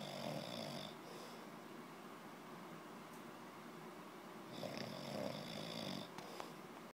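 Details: Two long, rough, rattling snoring breaths about five seconds apart, with quiet breathing between; ordinary snoring.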